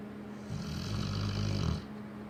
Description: Lola our cane corso snoring